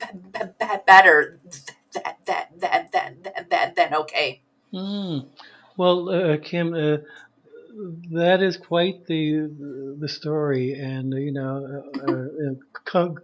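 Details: Adult male who says he is a person who stutters; repeated 'a a a a' part-word repetitions heard; stuttering.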